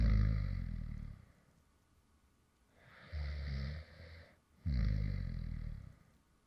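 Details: Light snoring from an adult man who fell asleep while recording (ASMR creator): low rumbling vibrating breath sounds in repeated cycles with quiet pauses between; real snoring during sleep.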